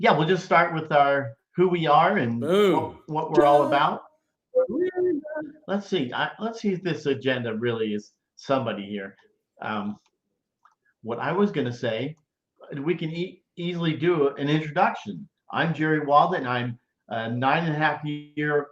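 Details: Aphasia following a stroke, in a stroke survivor about 9.5 years post-stroke, speaking during a live show.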